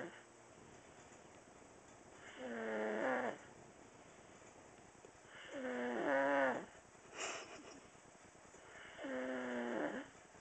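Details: Sleeping infant: three slow, whistly, rising snores about three seconds apart, roughly 18 a minute, steady background hiss; snoring.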